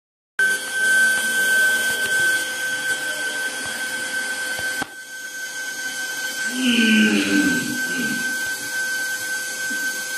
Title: Dental Milling Machine Detail Cutting Video